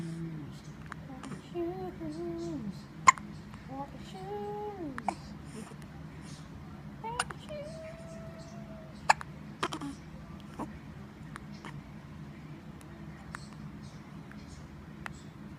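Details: An infant with ordinary hiccups: sharp, brief hiccup clicks at irregular intervals, about ten a minute, with soft cooing and room hum behind. Hiccups.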